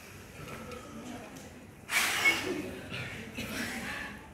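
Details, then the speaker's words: Peak flow meter demonstration: quiet breathing, then after a full exhale and maximal deep inhale, one sudden hard forceful blow-out with rushing air; peak flow forced expiration. "Oke, jadi ekspirasi, jadi manuvernya adalah ekspirasi terlebih dahulu. Kemudian tarik napas panjang maksimal, baru dihembuskan."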